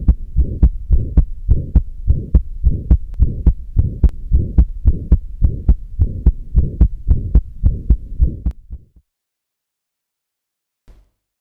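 Regular heart sounds at about 107 a minute with a short systolic murmur and a widely split second sound, typical of atrial septal defect.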